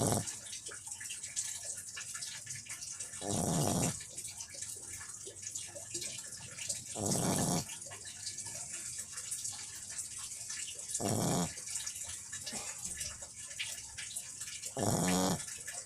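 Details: Dog in deep sleep snoring: loud, fluttering snores about every four seconds, roughly 15 a minute, over steady hissing background noise.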